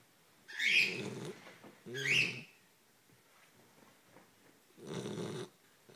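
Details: Sleeping Great Pyrenees snoring: three rough, rattling breaths, each with a low fluttering buzz and airy hiss, separated by quiet pauses.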